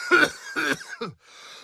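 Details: Adult cough recorded as a sound effect, not related to any health condition: three clear, voiced cough bursts.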